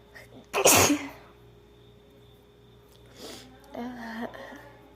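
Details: Acted, simulated female sneeze in a role-play of being sick: a single sharp sneeze followed by quieter sniffling, over soft background music.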